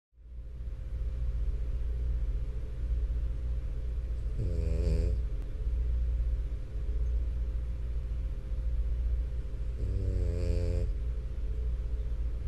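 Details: Sleeping French Bulldog snoring: two long, rumbling, fluttering snores about six seconds apart over steady background hum; snoring.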